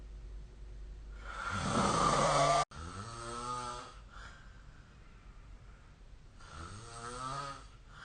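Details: Loud, harsh inhaled snores with a buzzing, vibrating quality, about three in eight seconds, during sleep; recorded with the SnoreLab app.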